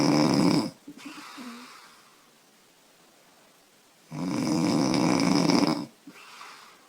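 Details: 25-year-old woman snoring heavily after drinking beer: loud, rough, fluttering snores on each in-breath with quiet pauses between.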